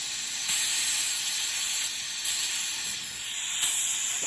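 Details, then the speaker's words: Dental air-water syringe re-wetting over-dried teeth I and J before bonding a class 2 composite: steady high hiss with short spurts of spray. "So this is A and B are perfect, I and J are too dry. I'm gonna add some moisture back now."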